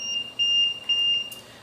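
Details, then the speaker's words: LTV ventilator training, PEEP just set to 8: three loud, shrill electronic beeps in quick succession, a high-pressure alarm, attributed to patient coughing or possible condensation in the filter. "this is telling me my high-pressure alarm is going off that's gonna be the patient is coughing there's maybe some condensation in the filter"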